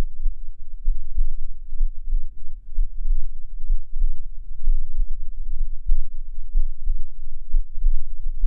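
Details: Soft, regular low thumps at about 65 beats a minute over a steady low hum, recorded through a binaural microphone in a recording described as having poor sound quality: normal heart sounds.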